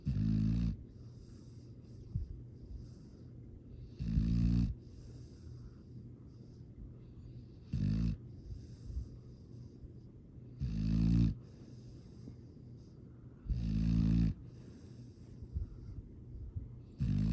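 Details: Sleeping dog snoring: regular low rumbling snores about every three to four seconds, roughly 20 a minute; ordinary sleep snoring.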